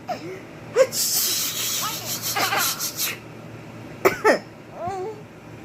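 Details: Sneezing by a girl, who finds coughing and sneezing hilarious, with "achoo" voiced repeatedly: sneeze.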